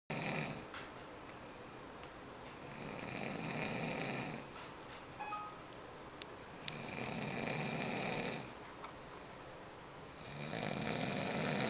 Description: my boy snoring